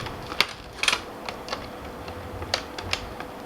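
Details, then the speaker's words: A few sharp plastic clicks as the AC adapter power cord locks into the port of a Philips BiPAP A40 home non-invasive ventilator, with quiet room noise. "Once you get the cable connected, it will not get disconnected accidentally because of the locking mechanism."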